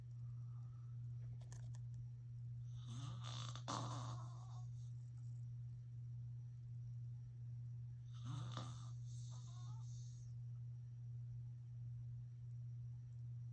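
Two rough, rattling inspiratory snores several seconds apart over a steady low hum: snoring during sleep.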